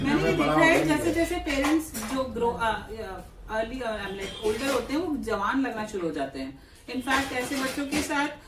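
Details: Adult woman speaking Hindi mixed with English; normal speech.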